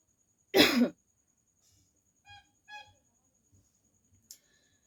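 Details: A single loud, harsh real (not staged) cough from an adult woman, followed by a few soft musical notes and a faint steady high tone in the background.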